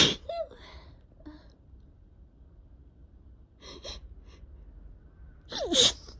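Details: Spring sneezes in a person who figures they have allergies, with a two-week cough: two loud sneezes, the second preceded by a sharp gasping in-breath, light room noise between.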